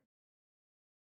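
After near silence, a brief, low voiced grunt sounds at the end of a breath out: expiratory grunting in an unwell child.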